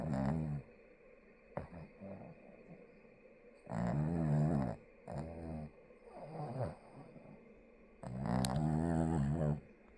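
Deep, low, rumbling snores on the breaths in, separated by quiet pauses, about 14 a minute. Loud snoring during sleep.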